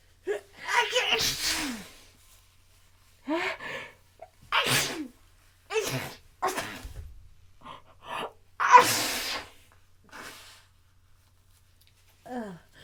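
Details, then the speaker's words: Messy sneezing fit with big buildups: sharp inhaled gasps, each followed by a forceful sneeze, about three sneezes. Sneezing fit. "I still have to sneeze. Oh my god. Oh my god. I think. think I might be done for now, but it's hard to tell. Oh my god. I really have to just sneeze."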